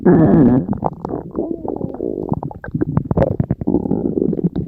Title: Other stomach growl sounds.